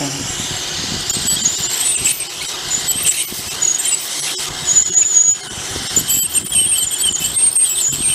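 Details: Ultrasonic tooth scaling on a pug dog at a veterinary clinic: continuous high-pitched squealing hiss with background talk from an ultrasonic dental scaler cleaning the dog's teeth.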